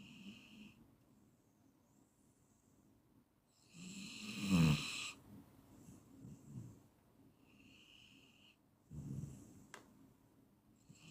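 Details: Snoring from a 15-minute sleep-inducing recording: two loud, rough snoring breaths over about eleven seconds, with quiet breathing between, in a small room.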